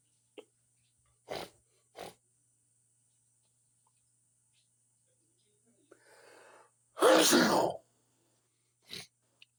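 Several quick sniffs, a short breath in, then one loud explosive sneeze followed by another sniff; a single big sneeze.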